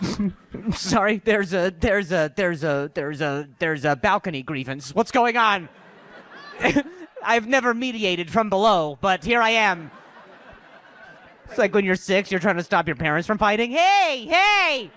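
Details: Adult male comedian who reports having stuttered for years since a softball injury; stuttering.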